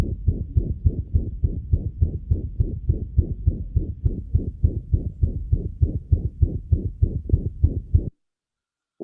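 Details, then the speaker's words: Fast, regular heartbeat at about 200 a minute in a veterinary pre-surgical auscultation, with a whooshing sound added between or replacing the normal heart sounds; a heart murmur. "Y acá sí van a escuchar soplos. Un soplo que es un sonido agregado o que reemplaza otro sonido normal en el corazón."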